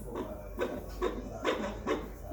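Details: Midwife's fetal Doppler placed over the fetal back, breech presentation, in a pregnant woman: rapid, regular whooshing beats at about 140 a minute, a normal fetal heart rate.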